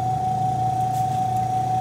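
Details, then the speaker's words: Steady motor hum with a constant mid-pitched whine from a suction machine left running, set to 100–120, while supplies are set up for tracheostomy suctioning demonstration; suction machine running. "leave the suction running while I set up my supplies"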